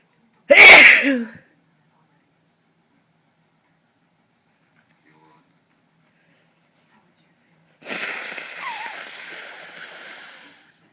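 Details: Sneezing after a shower taken before bed to clear the nose: one loud, explosive sneeze, then silence and a long hissing noise like running water or an extractor fan.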